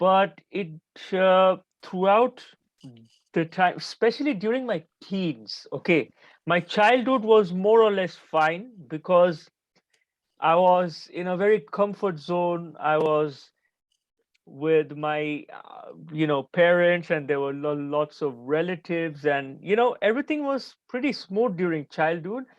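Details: Adult man who stutters, still stammering and having blocks during this conversation; his stammering was at its worst in his teens and early twenties; stuttering.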